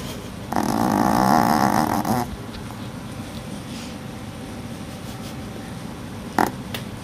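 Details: Sleeping puppy snoring: one long, rattling snore, then quiet breathing and a brief snort near the end.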